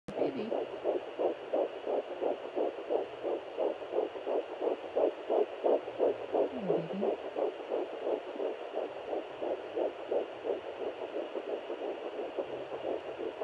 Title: Pocket Fetal Doppler - 9 weeks 4 days